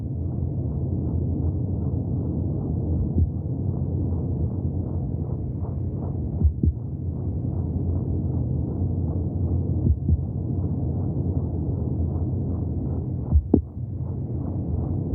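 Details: Fetal heartbeat heard from inside the womb: rapid, steady whooshing pulses under a low, muffled rumble.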